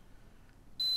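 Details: Quiet room hum, then a steady high-pitched electronic beep from a SunTech 247 vital signs monitor's thermometer, probe with cover placed sublingually, taken alongside automatic blood pressure and SpO2 readings.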